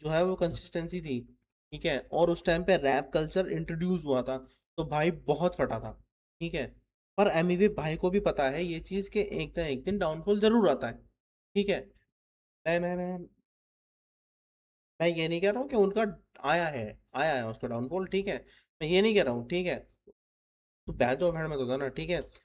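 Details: Adult male Hindi-speaking reaction host, presumed from the channel name to stammer, speaking with word repetitions in his own commentary; stuttering.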